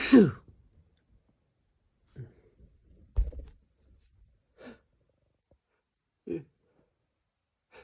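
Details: A person wearing an N95 mask whose nose pinch makes the nose itch: one sharp sneeze muffled by the mask, then several soft breathy bursts and sighs. Sneezing.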